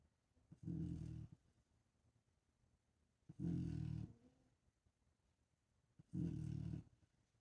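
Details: Female pet snoring louder than most people: three loud, rumbling snores, each under a second, about every two and a half seconds in a quiet room.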